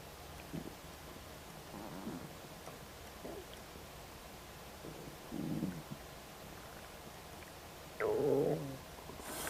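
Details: Just after a snack of ribs: repeated low gurgling and bubbling from the belly, some brief, some drawn out, with a louder rumble near the end: ordinary post-meal stomach rumbling (borborygmi).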